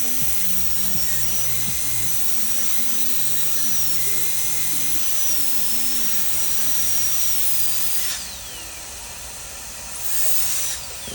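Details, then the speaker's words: High-speed dental handpiece whine, briefly stopping then resuming, cutting a window in a crown for tooth #8 so it can be luted with composite to a temporary coping, during extraction, immediate implant and provisionalization; faint music behind. "so I'll make my first initial cut right there and my goal is to make a window big enough so when I seat this this crown on top of that temporary coping"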